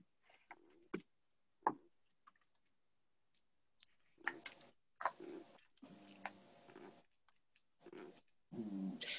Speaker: y'all can hear that snoring that's my cat you may not believe it but it is nice